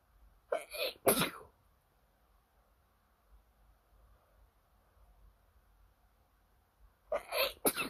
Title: Late night ITCHY NOSE! Can’t stop sneezing 🤧